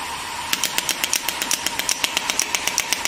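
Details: GINHA HL1602 portable radial shockwave therapy device, handpiece firing during physiotherapy treatment on a pain point: rapid sharp clicking pulses, about two to three a second, over a steady hum.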